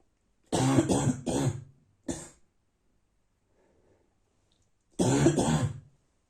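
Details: Adult with a bad cold, chest aching inside: two harsh bouts of dry barking cough in the morning, about six coughs in all.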